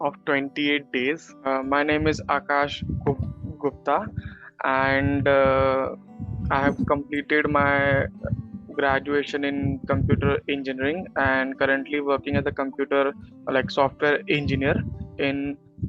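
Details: Stuttering in an adult male after a 28-day stammering course; he previously got stuck on specific words, avoided hard words and had eye-blinking, and still stammers when excited or nervous, now speaking with reduced speed and pauses.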